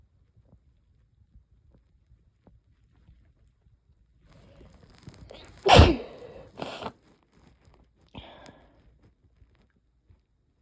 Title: yep, definitely a cold. increasingly desperate sneezes from incoming cold